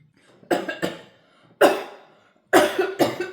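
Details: Simulated by speech-language pathologists: three bouts of forceful coughing, about five coughs in all, acted to show someone coughing when food goes down the wrong way during a meal, illustrating coughing versus choking.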